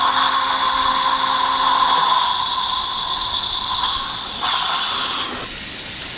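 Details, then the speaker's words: Steady high-pitched surgical handpiece whine with loud hiss and brief pitch changes during guided dental implant surgery at upper tooth 16 in a 63-year-old man; 4.5×10 mm drilling, poor bone quality, fixture installation. "4.5 by 10 millimeter drilling is done bone quality is not very good"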